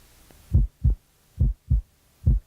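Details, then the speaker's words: Regular low lub-dub pairs, about 75 beats a minute, from a stethoscope at the apex (fifth intercostal space, midclavicular line): normal heart sounds from valve closure, each lub-dub one heartbeat, counted for an apical pulse. "for the heartbeat you will hear loved-up sounds these are the sounds caused by the closing of the hearts valves each loved-up represents one heartbeat"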